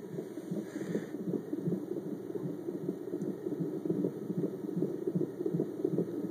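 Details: Fetal heartbeat on a fetal Doppler monitor: fast, rhythmic whooshing beats at about 155 a minute with a brief rustle as the active baby moves; a normal fetal heart rate.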